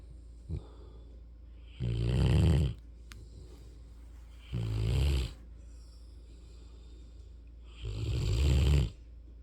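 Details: Snoring from a sleeping Mastiff/Rottweiler puppy: three deep, rumbling snores spaced a few seconds apart, with a steady low hum between them.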